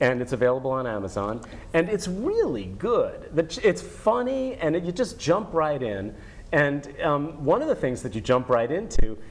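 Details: Adult speaker; Normal conversational speech.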